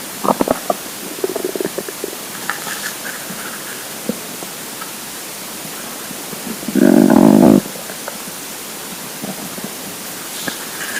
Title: Hungry Empty Stomach Rumbling Part 4 (22/10/2015)